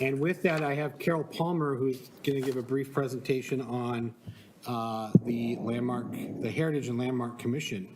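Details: Adult man speaking in a meeting room; typical voice.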